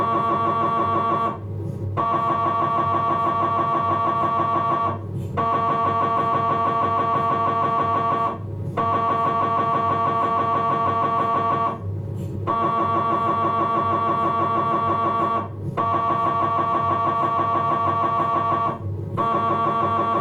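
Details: Philips 1.5 T MRI abdominal scan: loud, steady buzzing tones in long blocks about every three and a half seconds with brief pauses, normal MRI scanner noise during a T1 sequence.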